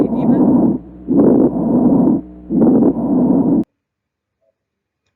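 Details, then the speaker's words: Coarse, loud breath sounds with crackling texture over two breaths from a patient with pulmonary edema, heard on chest auscultation in a lecture comparing it with pneumonia. "البلمونري ايديما والنيومونيا ما بتفرقش كتير طبعا لان هما كلهم كونسوليديشن، لكن نراجع كده الاصوات مع بعض."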